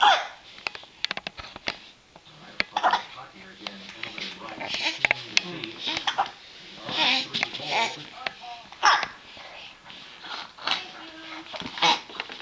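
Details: Infant with hiccups: repeated short, sharp gulping catches amid background voices and room noise.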